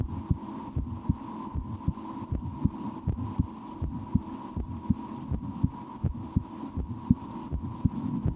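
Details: A person's own heartbeat through a stethoscope: steady regular lub-dub about 80 a minute over low hum, normal heart sounds; holds breath at times, tries to speed heartbeat, stomach digesting after lunch.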